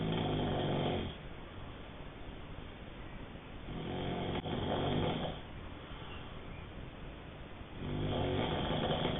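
Loud, rumbling snores on each breath, about three breaths in nine seconds, roughly 20 a minute, with quieter exhalations between.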